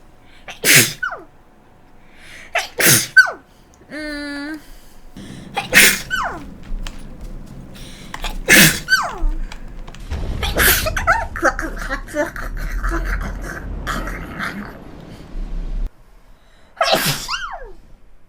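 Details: An adult streamer sneezes about six times in a row, each a sharp, voiced "eut-choo" burst.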